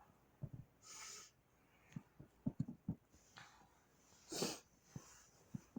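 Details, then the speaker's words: Repeated sneezing from a person who jokingly denies needing help and says their allergies are under control: two sharp, explosive sneezes with small sniffs and snorts between them, in a quiet room. "I figured I needed to make a point to prove to you that I don't need help I have this sneezing under control and I'll be just fine"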